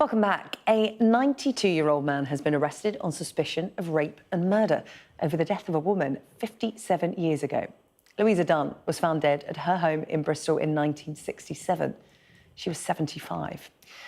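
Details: Adult woman, news presenter; normal speech.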